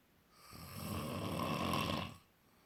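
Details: A single long rattling snore on an in-breath lasting about two seconds in a quiet room: snoring.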